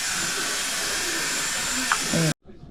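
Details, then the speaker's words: Steady, even rushing hiss of air from a CPAP machine running at preset pressure, ending abruptly; prescribed after polysomnography showed the husband's oxygen saturation below 80%. "압력이 이미 세팅이 되어 있어서 이거 전원 버튼만 누르면 그냥 바로 나오는 거야 바람 나오는"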